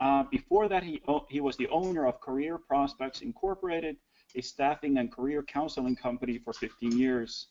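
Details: Adult speaker; normal speech.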